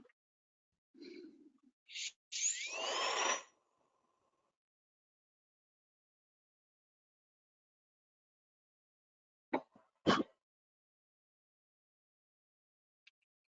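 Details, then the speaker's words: Dental lab demonstration adjusting a premium denture tooth, the lateral, for an immediate complete upper denture against lower natural teeth: brief high-pitched rotary handpiece grinding bursts, then quiet with a few clicks. "so what I did was I left the I just left the central to show how we're going to set the lateral so bear with me I just have to adjust the Denture tooth"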